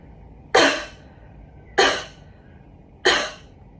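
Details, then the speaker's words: Three sharp, forceful throat coughs, demonstrating how chronic coughing slams the vocal folds together to clear phlegm and mucus; forceful throat cough. "see the forceful motion of the vocal folds instead to get flam and mucus off of the vocal folds"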